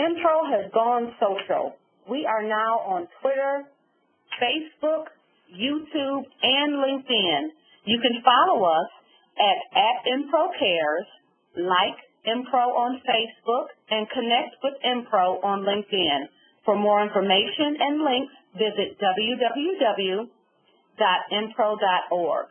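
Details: Adult woman speaking, telephone-quality recording; typical speech.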